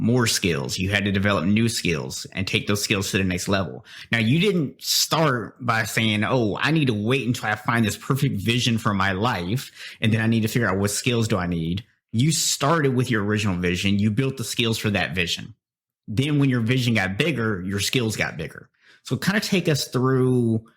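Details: Adult male speaker; typical speech.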